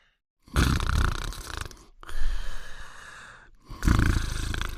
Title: Fafa's Greatest Adventures (1988-1989): Cartoon Dog Sleeping and Snoring in 54 seconds